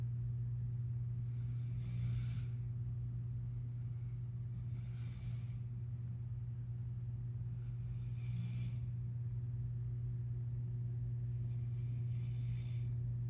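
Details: Sleeping man snoring with his navel exposed: soft, hissing, breathy snores about every three seconds, roughly 19 a minute, over a steady low hum.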